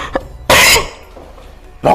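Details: A loud, harsh, explosive cough burst, a quiet pause, then a second cough starting as the clip ends; from a compilation of a young child's coughs.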